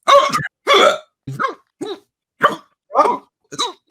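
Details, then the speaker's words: Podcast participant's hiccups: seven short, abrupt voiced gulps at roughly 100 a minute, slightly uneven, each a sudden catch of breath; repeated hiccups. "[Music] oh hiccup again [ __ ]"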